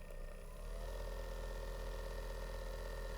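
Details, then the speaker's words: Low, steady, quiet motor hum with soft drone of the AchedAway percussion massage device at level two (1900 per minute). "this one is very quiet comparing level one number two"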